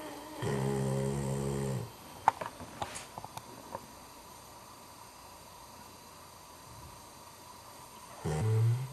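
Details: Dog snoring: low buzzing snore on the in-breath, then a few soft clicks and a quiet pause before the next snore.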